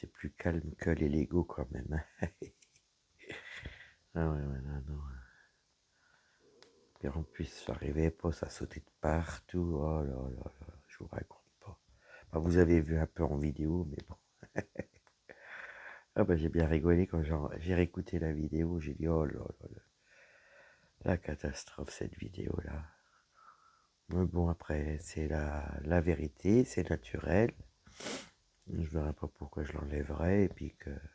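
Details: Woman whose vocal cords were damaged by a serious health problem; she reports her voice is now deeper than before, at times she has little voice, and she cannot speak loudly. Dysphonia with low-pitched, creaky voice.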